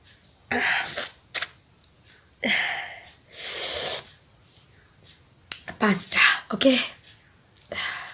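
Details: Deliberate sneezing and nose-blowing challenge: short hissy bursts of sneezing and forceful nose blowing in a small room, mixed with breathy sounds.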